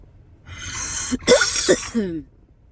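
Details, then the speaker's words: Person with a tracheostomy changing their own Shiley trach tube: a few short, breathy coughs through the stoma, triggered by throat irritation as the new tube is slid in and turned. "and then i'll turn it me it irritates my throat it makes me cough"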